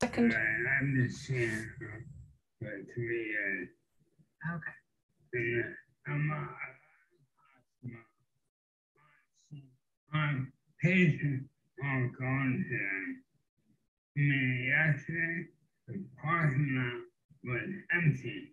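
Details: Speaker with impaired speech shown in a demonstration of Euphonia speech-recognition technology, presented in the context of motor neuron disease; the speaker's own diagnosis is not stated; hard for listeners to understand; impaired speech (dysarthria).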